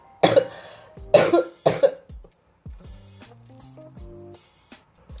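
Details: Person with cystic fibrosis who sometimes needs oxygen, having a good day without it: three harsh coughs followed by soft music.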